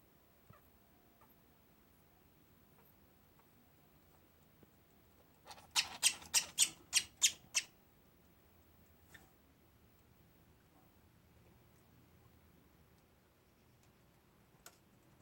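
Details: Sick parakeet with pneumonia, previously showing slight worsening wheezing, a clicking noise with every breath and sneezing attacks: a quick run of about seven sharp, high, squeaky coughs in a quiet room.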